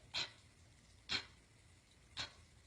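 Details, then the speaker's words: Simulated sound: an adult imitates a nursing baby's swallows during breastfeeding, as three soft, breathy puffs about a second apart, to show what a swallow sounds like. "jaw movement does not matter it doesn't matter you're listening for the swallow and a swallow sounds like this it sounds"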